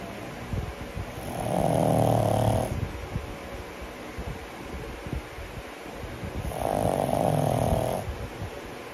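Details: Snoring in a sleeping 10-month-old pug: two loud, rumbling inhalation snores about five seconds apart, with faint breathing between them.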